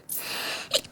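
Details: Person with chronic rhinitis, which they say seems worse with the change of seasons: a single sharp, hissing habitual sneeze burst with a brief tail; sneeze.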